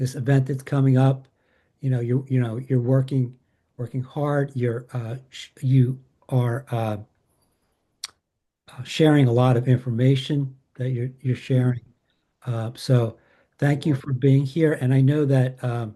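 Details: Aphasia with word-finding difficulty and paraphasias in a woman living with aphasia after a stroke or injury.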